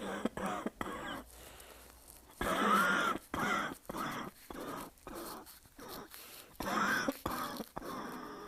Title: Asthma cough, barking cough